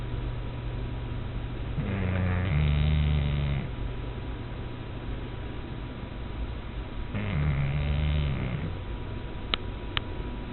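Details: Pug, a flat-faced dog, snoring in sleep: loud, low, buzzing snores on each breath, about five seconds apart, over steady room hum.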